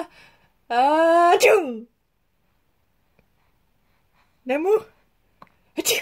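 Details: Baby sneezing: a drawn-out voiced intake breaking into a sharp burst, then a shorter second build-up and burst, in a quiet room.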